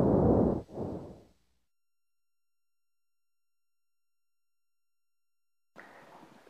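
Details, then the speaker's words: Stethoscope auscultation of the chest, subject breathing through the mouth slightly deeper than normal: low-intensity, soft, low-pitched sound heard mainly on inspiration, away from the large airways. Normal vesicular breath sounds. "le murmure véhiculaire est un bruit de faible intensité de timbre doux et de tonalité basse entendu dans l'ensemble de la cage thoracique à distance des grandes voies aériennes il est surtout perçue pendant l'inspiration"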